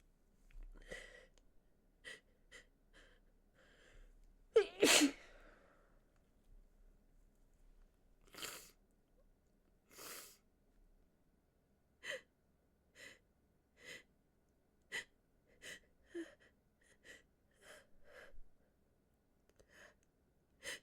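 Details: A woman with a cold using a handkerchief gives one loud, forceful sneeze, a few softer sneezes and many short sniffles in a quiet room; sneezing.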